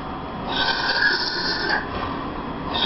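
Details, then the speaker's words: 11-year-old Siberian husky whose breathing changed with age; vet-diagnosed laryngeal paralysis (paresis): harsh, raspy, high-pitched noise on each drawn-in breath, an inspiratory stridor. "This is Scott an 11y old Siberian husky scott's owner noticed Scott start to get older his breathing started to change"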